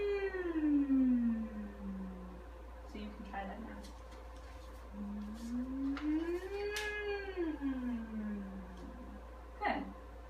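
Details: Patient with vocal hyperfunction in a resonant voice therapy session, humming and gliding from soft to loud with vibration kept forward in the lips and face; resonant voice therapy hum.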